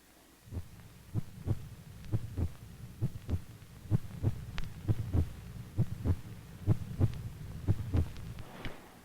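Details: Regular lub-dub heartbeat at about 66 a minute with faint background hum, heard during a child's routine pediatric checkup as the boy listens to his own heart; normal heart sounds.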